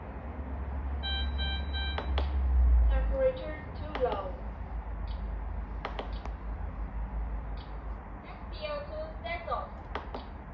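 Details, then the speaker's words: PROMISE PRO-M12D patient monitor, temperature sensor type setting: tonal alarm beep followed by spoken prompts "Temperature too low" and "SpO2 set off," warning of low temperature and a detached oxygen sensor; patient monitor alarm. "Temperature too low. SpO2 set off. Temperature too low."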